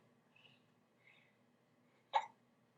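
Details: Boy about one week before his 2nd birthday, recorded on an iMac webcam: a single sharp, abrupt hiccup breaking a quiet room after faint soft noises; hiccups.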